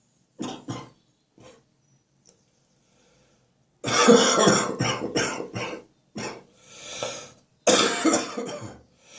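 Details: A spring cold; the cough is now stuck in the chest, deep and wet: a wet productive cough.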